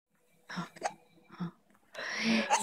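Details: Young infant on day 49 of life with hiccups: short, abrupt breathy catches, about three in under two seconds.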